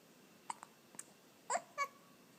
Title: Baby hiccups